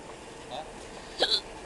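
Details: At a train station: a single abrupt hiccup with a short voiced catch over background road noise; hiccups.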